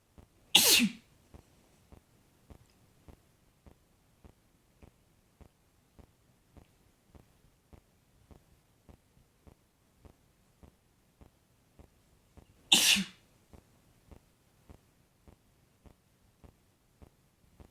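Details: Adult male sneezing: two sharp, explosive sneezes about twelve seconds apart over a steady background ticking.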